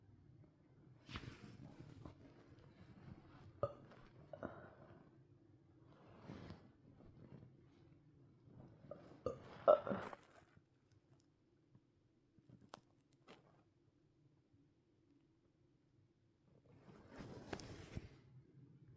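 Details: Burping after chugging water, with a sore tummy: several low, rumbling belches spaced over quiet room sound, consistent with swallowed air.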